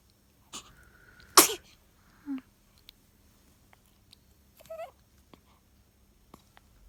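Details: One sharp, high-pitched sneeze followed by small squeaks and breathy sounds: a day-0 newborn's first sneeze of life, in a quiet room.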